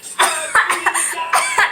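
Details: Acted, simulated coughing by an adult for comedy: a quick run of about four or five harsh, forced coughs, mocking coronavirus fears; not a real illness cough.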